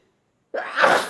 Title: Three Sneezes & Nose Blowing in a Hanky